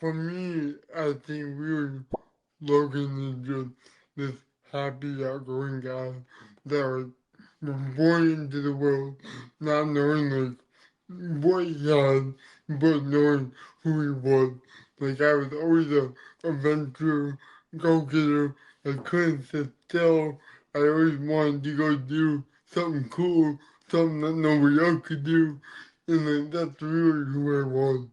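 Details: Dysarthria in an adult man born with cerebral palsy, which affects his neck muscles, giving a deeper voice and making talking hard.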